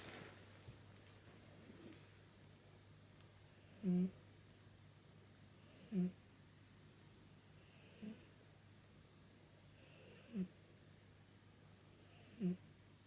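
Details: Snoring of a sleeping 16-year-old pet: soft, regular snoring snorts about every two seconds, near 29 a minute, over a steady room hum.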